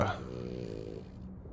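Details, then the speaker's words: A pet dog lying right next to the speaker snores loudly, heard in the background while the speaker is playing a video game, until the dog is disturbed. "You can probably hear my dog. I just realized you can probably hear my dog snoring. Jasper, you're so loud."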